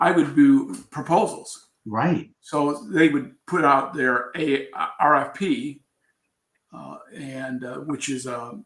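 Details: Adult man with aphasia after a traumatic brain injury from a bicycle accident about four years earlier, followed by coma; still recovering, with trouble finding words.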